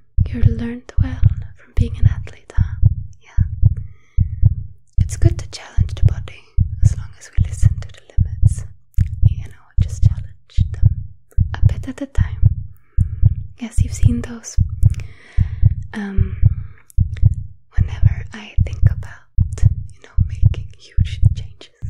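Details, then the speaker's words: Simulated ASMR heart exam of a star athlete, stethoscope on chest with shirt lifted: steady, regular heartbeat about 75 per minute, with soft whispering and music; doctor says the heart sounds very good; normal heartbeat. "but your heart sounds [Music] very good you've done such a great job [Music] well done"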